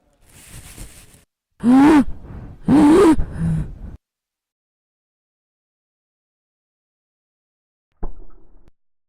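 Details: A sneeze: a soft breathy lead-in, then two loud voiced bursts with a trailing sound, then a brief noise later.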